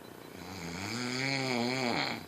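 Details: Adult man (husband) snoring, likened to a freight train: one long, rough, buzzing breath sound with a clear pitch rising through it; snoring.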